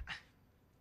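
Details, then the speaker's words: Film scene, not a real patient: an adult man with Tourette syndrome since age 6 gives a single short, sharp, bark-like vocal tic. "I'd keep barking and I wasn't quitting until I found that principal."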